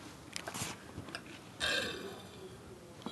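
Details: Deliberate burping during a burping contest among friends: a drawn-out, rough belch lasting about a second, with faint room noise and mouth sounds around it.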